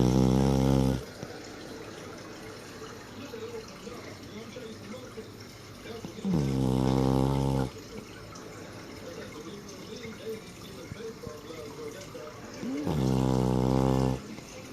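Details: Lulu, asleep after snuggling into the owner's lap, gives loud, deep, buzzing snores on each in-breath, about ten a minute, with quiet pauses between: snoring.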